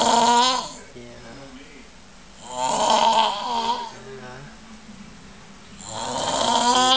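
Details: Man sleeping in a shared room: loud, rough, rattling snores on each breath, about three in seven seconds, with quieter breathing between; heavy snoring.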